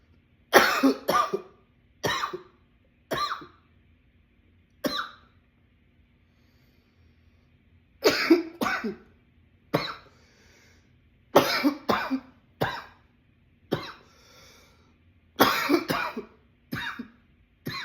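Repeated harsh cough bursts in clusters of two to three, about fifteen coughs with short pauses between; a prolonged coughing fit.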